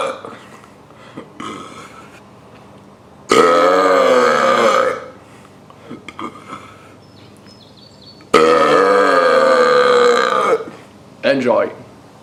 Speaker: step one take air to your throat to your stomach step 2 let it out for best results stand up it will be easier for the air to pass follow